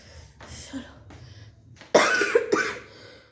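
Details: Adult with a severe, persistent cough, preparing to go to the doctor, gives a short run of two or three forceful coughs after quieter breathy sounds.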